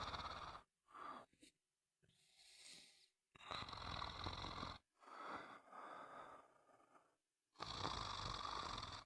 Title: Sound of snoring for a good night sleep